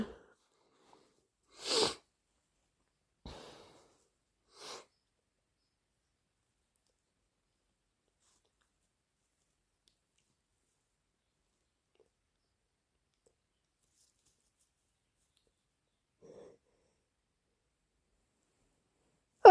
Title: Big induced allergy sneezes and blows